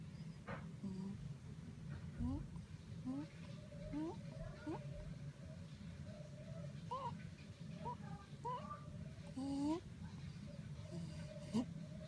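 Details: Dog with stridor: brief high-pitched squeaks repeating with each breath, fitting a narrowed upper airway.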